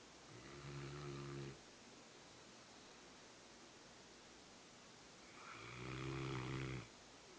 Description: Rottweiler snoring loud!